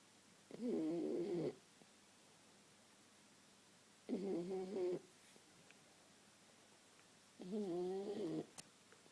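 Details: Flat-faced cat resting, described as struggling for oxygen as usual: three drawn-out, rattly, tonal snores spaced a few seconds apart, about 17 breaths a minute, in a quiet room.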